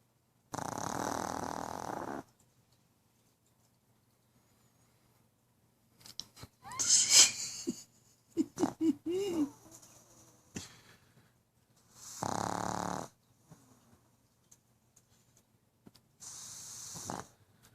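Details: Pug sleeping after a long day at the veterinary clinic and running around the living room: irregular noisy snorting breaths with snuffles and small squeaks; snoring.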